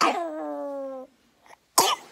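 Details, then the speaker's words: Infant girl with a lingering cough after RSV, possibly asthma-related (both parents asthmatic; chest checked clear, given nebulizer): two harsh coughs, the first trailing into a drawn-out whimper, sounding painful from deep in the chest. "It sounds like extreme bronchitis. Like, it sounds like it's painful coming from like the bottom of her chest. You can like feel it burning when you listen to her cough."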